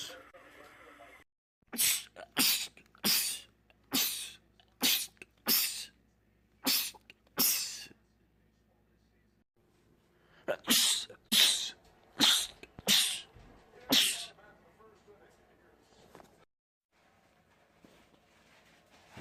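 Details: Male, from a compilation of rapid sneezing attacks in men: about fifteen short, sharp sneezes in two rapid runs separated by a pause; prolonged sneezing fit.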